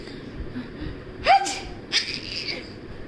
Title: Sneezing game